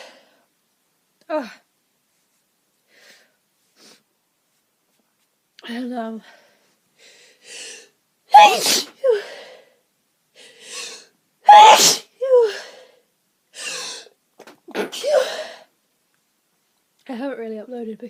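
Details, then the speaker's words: Sneezing fit on a sneezy day, eyes streaming: a run of loud sneezes in quick succession with brief breaths between. "Hi guys. So, um, I've been having a bit of a sneezy day today, but nothing really you nothing major."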